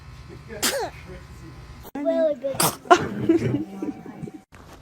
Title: Sneezing Infant